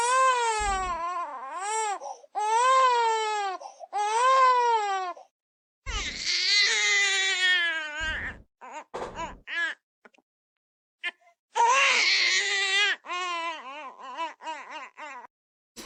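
Intense, high-pitched infant crying in long strained wails with gasping pauses, fitting a colicky tummy-pain cry.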